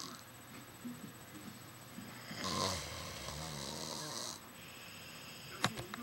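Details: Person snoring: a rough, noisy breath sound swells mid-clip against quiet room noise, a single snore; snoring.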